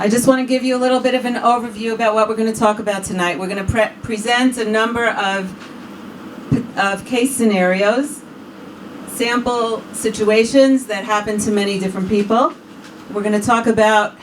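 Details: Adult woman; normal speech.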